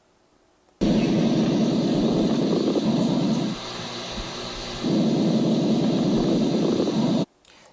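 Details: Fine crackles, described as very subtle sounds arising in the alveoli, like a balloon trying to inflate, taught in a chest physical examination lesson.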